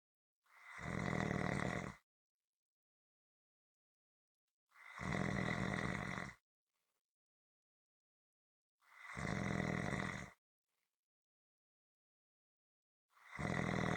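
Loud, regular rumbling snores about every four seconds, roughly 14 a minute, with quiet pauses between them. Rhythmic snoring.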